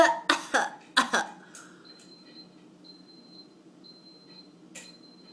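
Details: Child coughing: a quick run of five short, dry coughs in two bursts, then quiet breathing with faint room noise.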